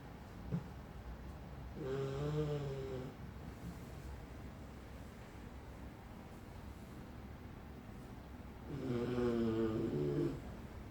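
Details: Snoring from either a dog or a human, left unrevealed: two long, low, groaning snores about seven seconds apart, with quiet room noise between.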